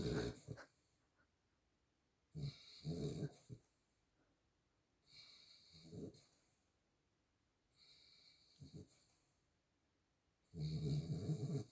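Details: Miniature schnauzer dog snoring while asleep.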